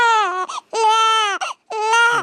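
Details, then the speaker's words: Two-week-old newborn boy crying: three loud, high-pitched bursts with short gasping breaths between them; parents call it his hungry milk cry. "You hear that little cry? Is he doing the milk cough? Oh, that's the milk cry."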